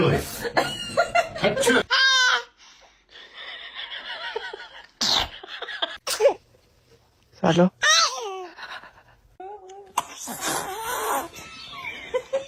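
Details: Newborn sneezing: a few brief, sharp sneezes mixed with baby vocal sounds, with adults nearby talking, laughing and saying bless you.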